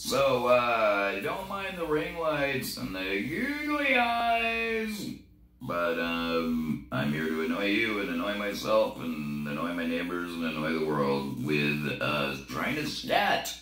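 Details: Man using an electrolarynx while attempting scat singing; electrolarynx speech.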